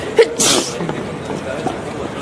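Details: Single sneeze: a brief catch of breath, then a sharp hissing burst of air through the nose and mouth.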